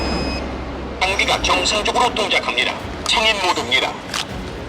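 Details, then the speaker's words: Automated external defibrillator switched on during a CPR and AED demonstration on a simulated cardiac arrest patient: short beep, then a recorded voice giving instructions over background noise. "자동 심장 충격기 안내에 따라서 시행하시면 됩니다"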